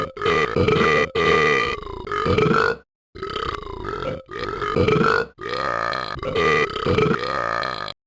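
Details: Animated character Talking Ben (Episode 5) burping many times: five long, loud, voiced belches in quick succession, separated by short pauses; repeated burping.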